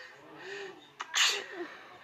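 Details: Sneeze.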